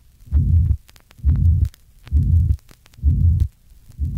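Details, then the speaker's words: Tricuspid regurgitation: pansystolic murmur heard at the fourth left interspace left of the sternum, louder with inspiration unlike mitral regurgitation, recorded through alternating inspiration and expiration. "in contrast to miter regurgitation loudness increases with inspiration listen to the effect of inspiration on the pan-systolic murmur in a patient with tricuspid regurgitation"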